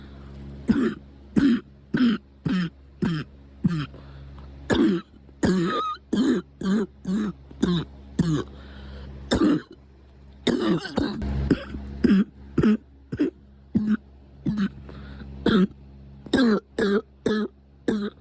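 A long run of short, harsh coughs, about thirty in eighteen seconds, over a low room hum.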